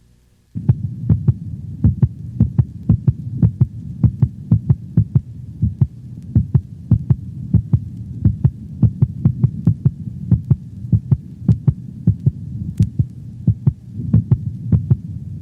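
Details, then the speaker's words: Another normal dog standing on four legs, recorded over the mitral valve location: regular paired beats about 80/min, second heart sound shorter and higher in frequency than the first; normal heart sounds. "the second heart sound is shorter and of higher frequency than the first sound it is best heard over the pulmonic valve"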